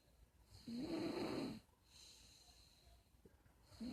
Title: snoring